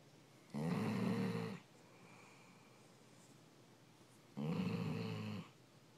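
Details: Female yellow Labrador retriever snoring loudly while asleep: two loud, rattling snores about four seconds apart, with quiet breathing between.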